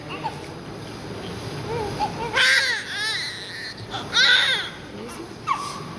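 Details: Newborn baby just born after a 9-month-10-day pregnancy, during cleaning after birth; loud, high-pitched crying in short bursts with rising and falling wails; a vigorous normal newborn cry.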